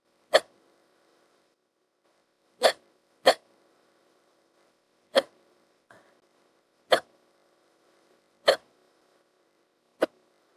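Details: Simulated, AI-generated female character hiccups, audio extended with added hiccup clips: eight sharp, brief gulping hiccups at irregular intervals in quiet.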